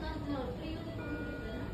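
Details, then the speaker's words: Siemens Servo 300 ventilator in CPAP mode sounds an apnea alarm when the patient stops breathing during a test; the alarm clears once breathing resumes. "Alarm आला अलार्म आला म्हणजे काय झालंय पेशंटला आपण सिपा मोड चालू ठेवलाय आणि पेशंट श्वास घेत नाही म्हणून आला"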